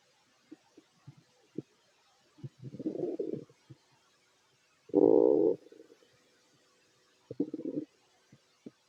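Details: Fit adult male eating, with stomach growling: gurgling, bubbling rumbles and short squelches, and one loud drawn-out growl in the middle.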